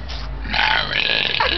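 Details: Woman deliberately burping friends' names on a smoke break at a club: a long, rough, voiced, drawn-out forced belch lasting over a second.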